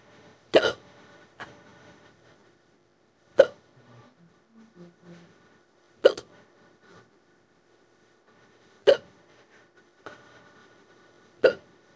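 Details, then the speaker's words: Simulated hiccups in an AI-voiced female character, made from an old recording: sharp, abrupt hiccups about every 2–3 seconds, roughly five in twelve seconds, over faint music. The voice calls it a strong, throat-hurting bout that stopped for about 5 minutes and then restarted. "this is got be the strongest case hiccup I'm had a long time it's really hurting my throat I don't think there's anything I can do to stop these hiccups"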